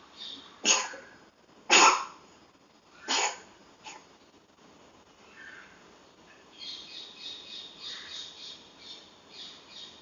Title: Kittie kitten has cough,